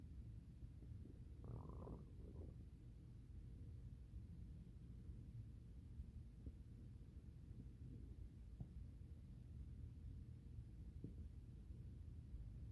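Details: Low gurgling and rumbling stomach noises from a male subject digesting a good meal: normal bowel sounds (borborygmi).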